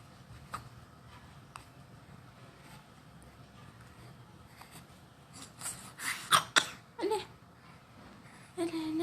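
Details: A 3-month-old infant gives a few short, sharp coughs after a quiet stretch, then a brief voiced sound: infant cough.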